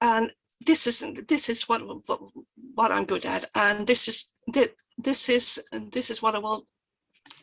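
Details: Stuttering in a Swedish woman who stutters and presents for the Swedish stuttering association; she was photographed during a stuttering block.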